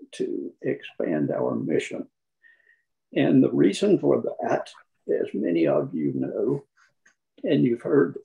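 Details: Man who counts himself among people with spasmodic dysphonia; spasmodic dysphonia.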